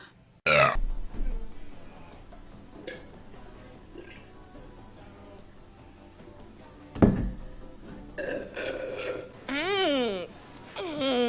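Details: Girl burping: several loud, drawn-out belches with a throaty, rumbling tone, separated by quieter room sound and brief background voices.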